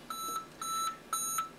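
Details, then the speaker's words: Siemens Servo 300 ventilator alarm, sounding with a red light for a low measured FiO2 (oxygen concentration): three repeated paired electronic beeps, about one every half second. "so if I have enlarged you'll notice what's happening"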